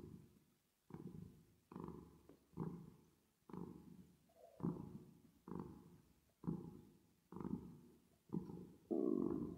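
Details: Resting or sleeping cat, reverb added: soft, rhythmic low rumbling breaths, about ten in ten seconds, each fading out; purring-like snore.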